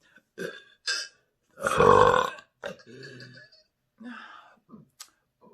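One loud, deep, drawn-out burp among short throat and breath noises; an ordinary belch releasing trapped air.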